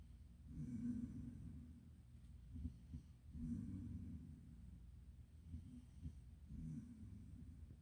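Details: Snoring: low rumbling breaths recurring irregularly, about three in eight seconds, with snorting noises.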